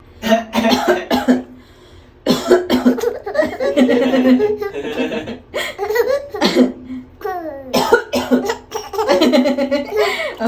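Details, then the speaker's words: Mother's repeated short coughs, answered by a baby's bursts of laughter at the funny cough sound; plain coughing, possibly done on purpose to amuse. "기침하는 소리가 웃겨. 웃겨. 엄마 기침하는 게 웃겨."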